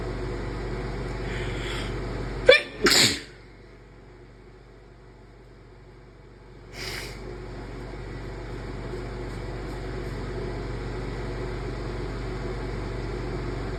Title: random induced sneezes